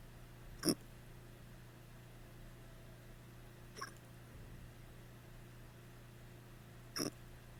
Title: drunk hiccups